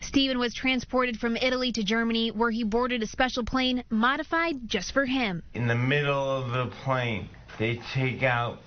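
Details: Adult narrators, a higher voice then a lower voice; Normal speech.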